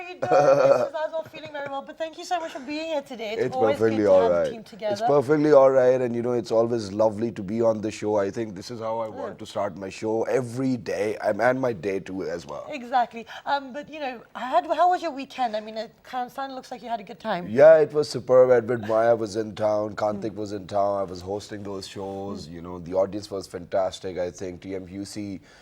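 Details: Adult male speaker; normal speech.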